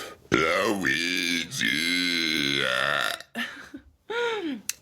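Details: Deliberate forced belching by a loudest-burp world record holder: long, loud, voiced belches, one drawn out over several seconds, then shorter ones; burping.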